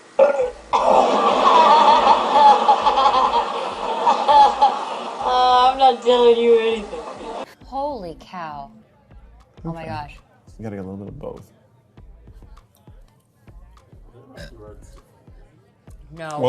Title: Funniest Moments : burp compilation